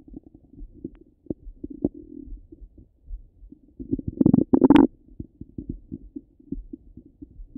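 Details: Stomach rumbling heard through a stethoscope: frequent gurgling clicks and bubbling with a brief louder rumbling burst; ordinary active bowel sounds.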